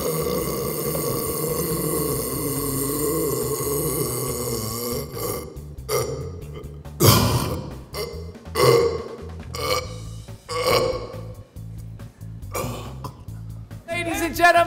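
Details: A man at the first World Burping Championship, New York City, producing a record 18.1-second burp: one very long, loud, sustained belch with a rough, wavering tone, then shorter belching bursts; background music.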